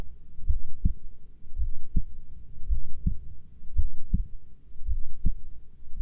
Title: 20 min heartbeat recording